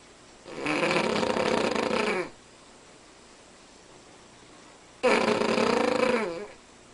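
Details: Cavalier King Charles Spaniel, unusually loud snorer: two long, loud, buzzing snores about four seconds apart with quiet between; loud snoring in a small dog.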